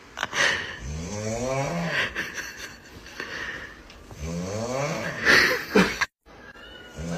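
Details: Snoring.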